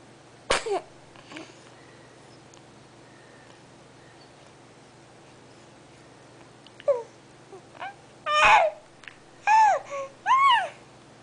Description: Baby sneezing and talking